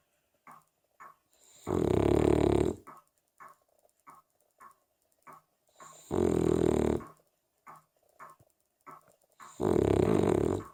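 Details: Three loud, rumbling, buzzy snores about four seconds apart, with faint clicks and puffs of breath between them, from a sleeping 3-year-old Cavalier King Charles Spaniel.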